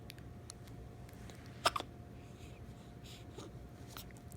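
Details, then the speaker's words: Girl with bad hiccups, being comforted: two quick, sharp gulping clicks close together over quiet room noise, typical of hiccups in a small child. "got the hiccups? Goodness. It's okay. It's okay. Poor girl."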